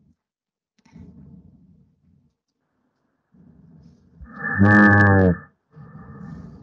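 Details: Simulated inspiratory snoring with flow limitation.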